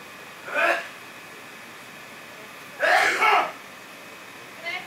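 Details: Two short explosive sneezes, each a quick intake and forceful release, the second louder, against quiet room noise, with a shrimp in an EcoSphere nearby seeming to react; sneezing.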